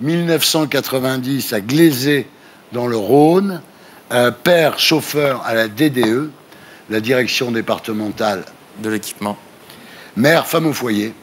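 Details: Adult male speaker; Normal speech.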